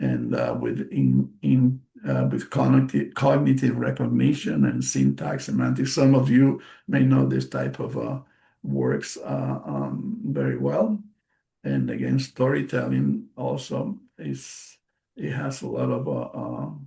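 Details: Post-stroke aphasia in a male stroke survivor, a non-native English speaker presenting in English; audible word repetitions and self-corrections; aphasia.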